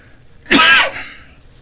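A single sharp, explosive sneeze with a hissing burst of air that fades quickly; an ordinary sneeze.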